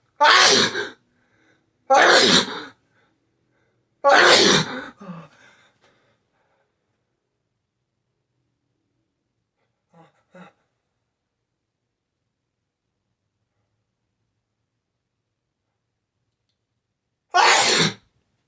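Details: Three explosive sneezes in quick succession with faint catching, hitching breaths, then a fourth after a long pause; some sneezes stifled.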